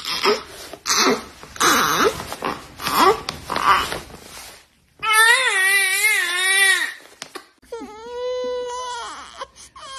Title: Newborn babies crying. Cute baby lovely moments.